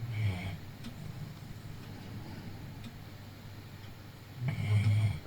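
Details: A sleeping pet dog gives low, rumbling breath sounds at the start and end with a quiet pause between; snoring.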